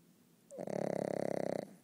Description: My beloved pug sleeping and snoring away.